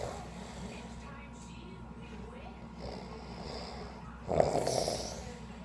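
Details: Person snoring in a hotel bed after a beach trip: soft noisy breathing, then a loud, rough snort on inhaling; snoring.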